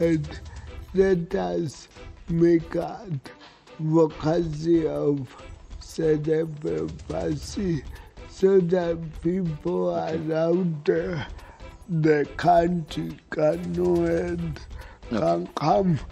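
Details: Adult man with cerebral palsy; dysarthria in cerebral palsy.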